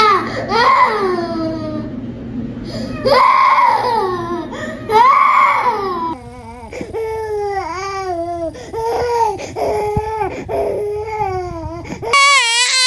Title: The cat grew weary of the child’s crying 🙀🤣#cat #funny #funnyvideos #baby #kids #funnyanimal